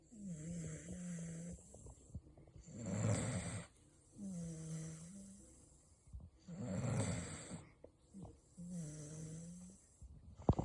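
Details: A sleeping 4-year-old Beagle snoring out loud: rhythmic low, rattling inhalations alternating with softer whistling, tonal exhalations, about 16 breaths a minute; ordinary dog snoring.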